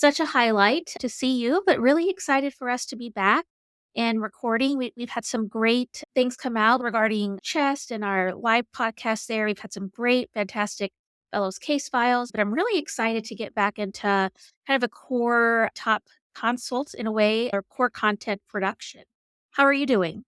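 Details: Adult speaker; normal voice.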